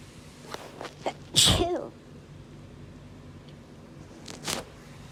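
Quick breaths in, then a loud sneeze, followed by a second, softer sneeze; hay fever sneezing.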